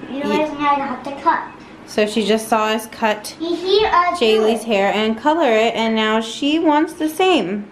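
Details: Adult woman; typical adult speech.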